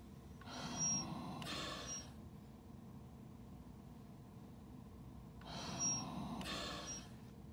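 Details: ResMed Astral 150 ventilator in a dual-limb invasive setup at a respiratory rate of 12, pressure about 25–27, tidal volume about 400–500 mL: two machine-delivered breaths about five seconds apart, each a rising airflow rush over a steady hum.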